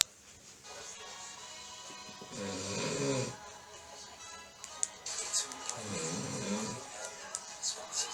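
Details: Snoring on a sofa: two slow, rough snoring breaths in a quiet room, with faint television in the background; ordinary snoring.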